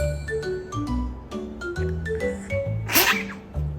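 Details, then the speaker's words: Small dog's single brief, sharp, adorable tiny sneeze near the end, over steady background music. "Number two, adorable tiny sneeze."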